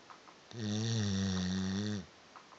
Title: SNORING LABRADOR - VERY LOUD!!